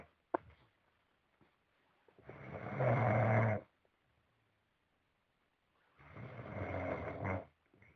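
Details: A person snoring like a pig: two loud, rough, rumbling snores on the in-breath, separated by quiet pauses; snoring.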